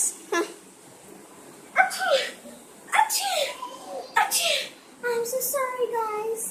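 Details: Girls acting out types of sneezers: a series of voiced, exaggerated, playful sneeze-like bursts ending in a drawn-out vocal sound; simulated sneezing.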